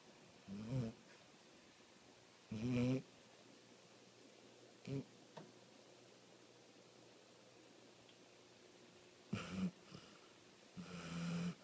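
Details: Sleeping dog snoring: about five or six short, low, rumbling snorts in uneven bursts, separated by quiet breathing in a small room.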